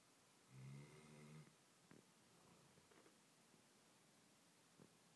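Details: A single low, buzzing snore followed by faint soft breath noises in a quiet room.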